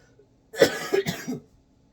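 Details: Short run of about three to four loose cough bursts in a quiet room during a school-day vlog, speaker then reaches for water; cough.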